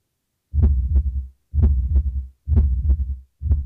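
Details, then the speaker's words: Hospice patient's heartbeat recorded with an electronic stethoscope by a music therapist for a tribute recording; regular low thumping heartbeats at about 64 per minute, each with two distinct sounds. "A new service by Avera Health is giving those family members a lasting piece of their loved one through a heartbeat recording program."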